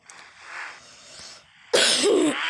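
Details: Quiet room sound, then one loud, harsh cough burst lasting about half a second, from a person coughing repeatedly while playing a game.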